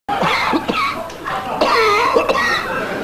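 Several harsh, forceful coughs in quick succession with brief breaths between, a run of ordinary coughing.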